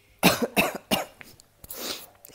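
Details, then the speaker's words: Adult woman with flu gives three quick, forceful coughs in a row, then a noisy breath out. "Cette semaine, c'est moi qui ai la grippe, comme vous pouvez l'entendre au son de ma voix. Donc je risque de couper la vidéo au moment où je tousse."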